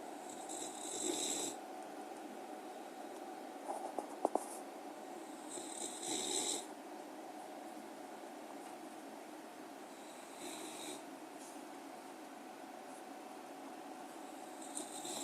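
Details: Dog (puppy) snoring in sleep: soft, irregular snoring breaths with a few faint snorts over steady room noise.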